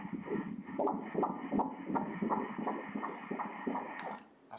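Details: Fetal heart on Doppler ultrasound at 13 weeks 4 days, second pregnancy: fast, regular whooshing pulses at about 160–168 beats a minute; normal fetal heartbeat.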